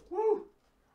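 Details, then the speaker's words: Adult man gives a sudden sneeze that came out of nowhere mid-sentence. "sneeze came out of nowhere whoa whoa that was wild"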